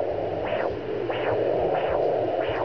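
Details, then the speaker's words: Home Doppler fetal heartbeat at 9 weeks 4 days of pregnancy, regular whooshing pulses over steady Doppler hiss, described as a nice strong heartbeat. "I actually found it. Found our little baby's heartbeat. So happy."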